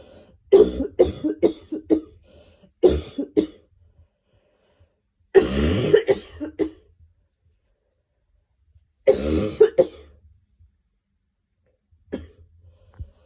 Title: Coughing4 #coughingsounds #cough